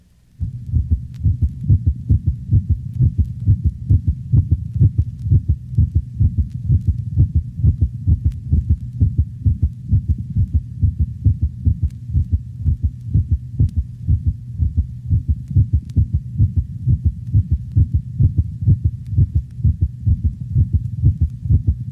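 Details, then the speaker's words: Normal large-breed dog: low-pitched heart sounds near 130 a minute, with the first heart sound split into two close components from asynchronous atrioventricular valve closure. "this occurs normally in the larger breeds of dogs note the low frequency split first heart sound of a normal large dog"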